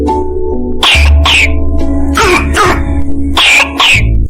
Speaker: If the cough is brassy cough, so it may show that it is an involvement of trachea in the form of tracheitis or tracheomalacia, and the brassy cough sounds like this.